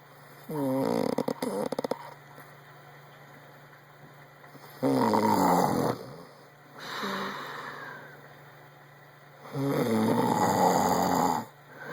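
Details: Man snoring: loud, harsh, vibrating snores on breathing in, about every five seconds, with quieter breaths between and steady room hum.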